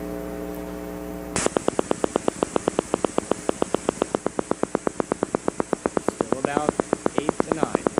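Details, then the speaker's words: Needle EMG teaching example: brief hum, then steady sharp popping clicks, semi-rhythmic, averaging about nine hertz; a single motor unit firing at a normal rate; normal motor unit recruitment. "so it's gonna change a little bit as its firing but on average this is about nine Hertz okay still normal"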